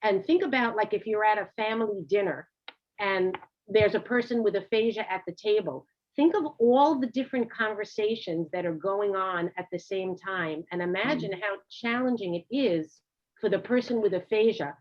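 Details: Adult woman speaking; normal speech.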